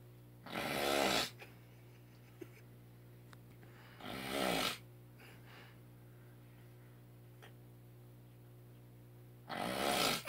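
Three loud, harsh, rasping snores several seconds apart over a steady low hum. Snoring.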